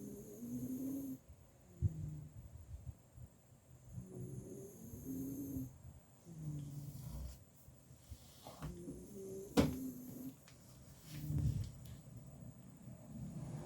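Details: Miniature Schnauzer sleeping next to another dog, snoring unusually loudly and persistently: repeated rumbling, wheezy breaths, some whistling, about five breaths; snoring.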